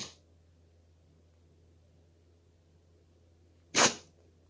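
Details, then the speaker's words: Single sharp, hissing sneeze from a corgi puppy, with a quiet room hum around it. "What you want, bro? Sneeze all over me?"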